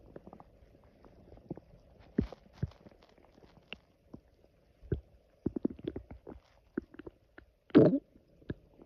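Irregular gurgling pops and rumbles from the belly, with a louder growl near the end.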